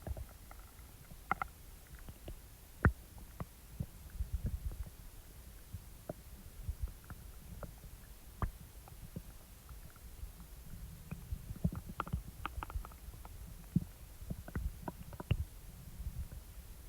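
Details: Stomach after eating: low rumbling with scattered gurgles and pops over steady background hiss; normal bowel sounds (borborygmi).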